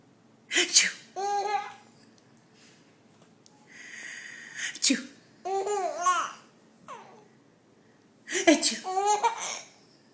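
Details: 5½-month-old baby girl giggling and babbling as an adult makes fake sneezes to amuse her: sudden bursts of air, likely sneezes, mixed with her laughter.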